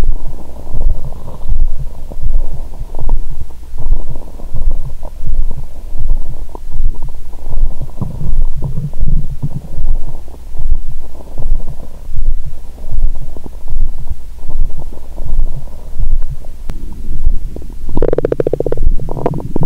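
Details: Steady low rumbling and gurgling through a stethoscope on the belly, throbbing pulse beneath (heart racing after wine), louder gurgles near the end; after large meal following 22-hour fast, belly still swollen: active bowel sounds.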